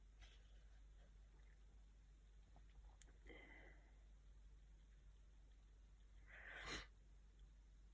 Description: Haven’t had much time the past couple of days to upload so here are some sneezing clips I had recorded during this cold.